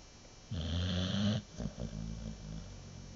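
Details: American Bulldog in deep sleep: a loud, rattling snore on one breath, then softer fluttering breathing; snoring.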